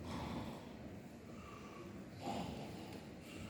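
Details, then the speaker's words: Stridor from upper airway obstruction, illustrating upper-airway dyspnea: harsh, noisy, snort-like breathing on inspiration. "En la disnea de vía aérea alta es más un estridor, es más un ruido inspiratorio."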